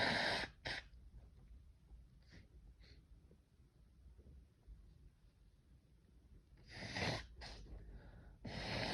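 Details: Several sharp, hissing sneeze bursts, some quieter and partly stifled, with breaths between them, during an intense sneezing fit; sneezing.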